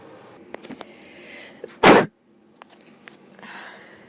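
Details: A single sharp, explosive sneeze from a sneezing girl, heard against quiet room noise.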